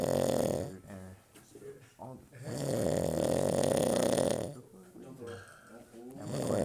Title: Grizzly Snore! (STx)